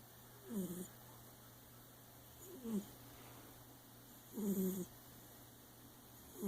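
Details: A sleeping cat makes short, rattling, slightly tonal noises on each breath, about 30 a minute, with quiet pauses between: snoring.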